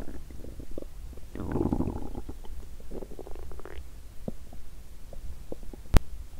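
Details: Bowel sounds (borborygmi) from the hungry stomach of an adult woman after muscle-training exercise on an empty stomach, while she felt nauseous; loud rumbling gurgles.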